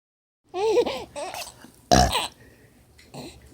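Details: 3-month-old infant laughing for the first time: squeals and babbling, then a loud burp, followed by more baby sounds; burp.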